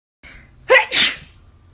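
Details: Woman sneezing: a short breath in followed by one loud explosive burst, a single typical sneeze.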